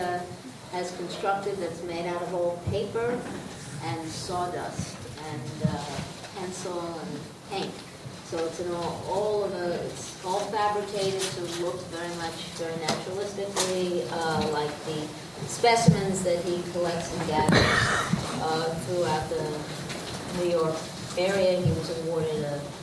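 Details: Adult speaker; typical speech.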